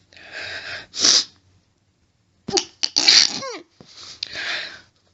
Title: Violent, harsh stifles (better version)! Rapid sneezing (f)